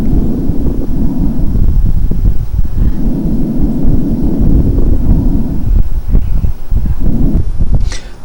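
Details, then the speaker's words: Teaching auscultation recording of fine crackles: muffled breath sounds with brief fine crackling clicks at the end of inspiration, attributed to small bubbles forming in the alveoli. "atención al final de la inspiración cómo se escucha ese ruido fino y ese ruido como frote pequeñito que está dado por las pequeñas burbujas que se forman en los alvéolos y que se forman al final de la inspiración"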